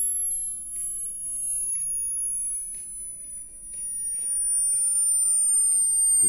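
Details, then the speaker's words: Downward pure-tone frequency sweep from 20,000 Hz toward 20 Hz used as a simple human hearing test; listener hears nothing at 17,000–16,000 Hz and first hears the steady gliding tone at about 12,000 Hz. "It's a countdown it's sweeping. I can't hear anything. Seventeen thousand hertz. Sixteen thousand. Just started to hearing it at about 12 000 hertz."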